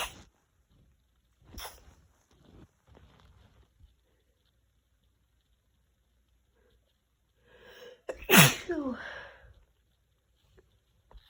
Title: Messy Cold Sneezes (f)